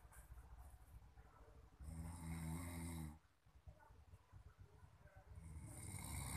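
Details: Man snoring very loudly, possibly because he is tired: one deep, rattling, buzzing snore on a single in-breath, then quiet, then a second snore beginning at the end.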